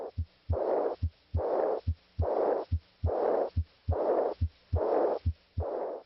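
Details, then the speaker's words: Aortic regurgitation murmur heard with the stethoscope diaphragm from the left second interspace down the left sternal border to the apex: regular heartbeat near 71 a minute with a high-pitched, soft, blowing decrescendo diastolic murmur after each second sound. "listen at the left second interspace and down the left sternal border to the apex for the high-pitched soft blowing decrescendo diastolic murmur of aortic regurgitation"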